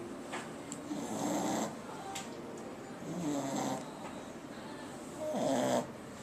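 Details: Snoring during sleep: three rough, fluttering snores roughly every two seconds over a steady room hiss.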